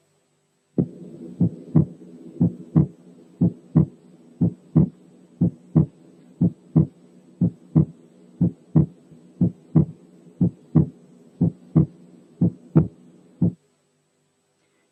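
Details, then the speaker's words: Teaching example of a split second heart sound, heard over the pulmonary area: second sound slightly wide because its two components lie very close together. "يا دوبك السكند ساوند كان عريض شوية لأنه مكون من تو كومبوننتس جنب بعض خالص."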